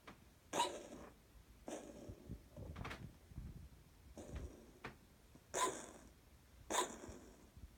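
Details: A cat coughing: five short, hissing, breathy expulsions spaced about one second apart.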